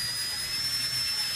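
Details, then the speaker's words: Adult right after braces removal: steady high-pitched whine of a dental handpiece run slowly, polishing teeth and removing adhesive because teeth are often sensitive after debonding. "Well, even though the sound is a dental handpiece, we don't have to run this at super high speeds."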